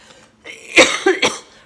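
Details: Short burst of about three slightly wet coughs from an adult with cystic fibrosis, recorded while feeling well for about five days after recently feeling she was getting sick and might need hospital IVs; cough in cystic fibrosis.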